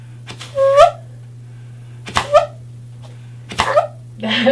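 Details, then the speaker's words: Man with a laryngectomy, a new user of a Provox FreeHands HME housing, gives three short coughs through his stoma. Each causes a brief clapping, whistly flutter as the cough release valve opens. The valve stays fairly shut and is then adjusted. "that little that's the release sound the little clapping sound I don't have to worry about it blowing out"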